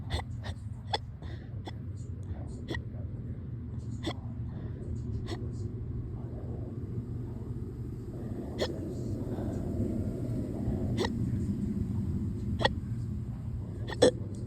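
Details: Small, quick, clicking hiccups repeating irregularly every second or two over a low vehicle rumble; tame but very fast hiccups in a person hiccuping on and off since yesterday.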